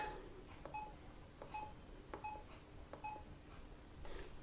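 A series of short, high electronic key beeps with faint button clicks in a quiet room; normal keypad feedback while stepping through the pump's lock menu.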